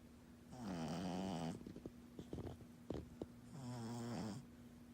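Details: Female pug puppy asleep after a busy morning of play, snoring loudly: two long, rattling, vibrating breaths with a nasal snort between them.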